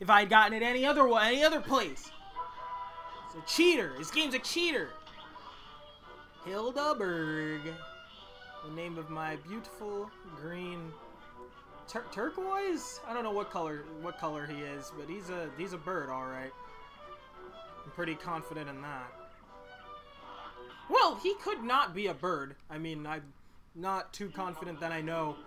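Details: Male speaker who stutters, reading a story text aloud; he says his stutter won't let him read part of it at that moment: stuttering.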